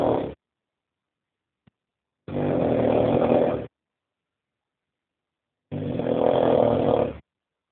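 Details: Loud, rough, rattling snores about every three and a half seconds, roughly 17 a minute, each lasting over a second with silence between: heavy snoring.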